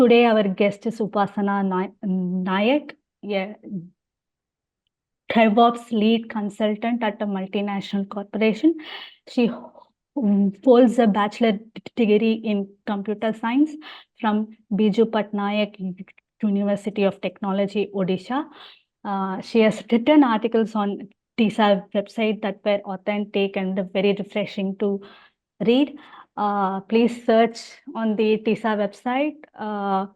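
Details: Adult woman speaking; host speech.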